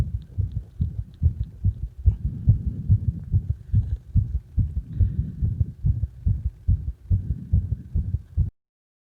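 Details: Heartbeat of the recording person during CPR: rapid, regular low thumps at about 140 a minute with a faint hum.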